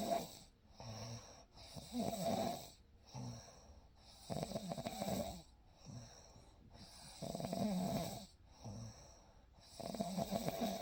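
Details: Real night recording of a sleeper: soft, regular snoring on each breath, roughly 11 breaths a minute, with a faint steady room hum; snoring.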